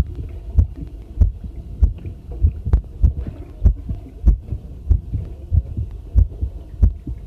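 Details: Own heartbeat recorded with a homemade field stethoscope microphone during housework: steady heartbeat at about 97 beats a minute, with running tap water and clinking tableware behind; a normal heartbeat.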